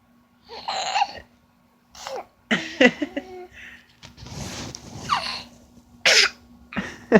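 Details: An 8-month-old baby makes a series of short, forced cough-like bursts mixed with voiced squeals, playfully copying her sick dad's cough.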